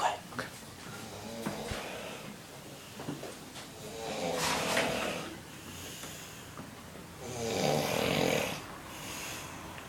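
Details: Father asleep within ten minutes in a room at a youth conference: loud rattling snores on each breath in, with a noisy breath out between, in a small room; heavy snoring.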